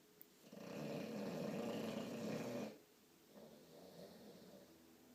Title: Oscar Norman, the snoring bulldog